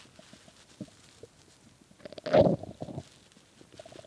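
A loud, gurgling stomach growl rising and fading over a couple of seconds in a quiet room: ordinary hunger growling.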